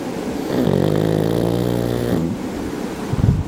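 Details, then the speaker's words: Snoring: one long, loud, buzzing inhaled snore with a steady vibrating tone, then a snort, sounding human-like; snoring. "ah deja de roncar roeno roeno deja de roncar deja de"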